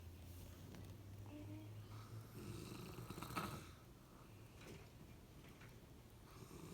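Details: Adult man snoring while asleep, recorded by his partner: snoring.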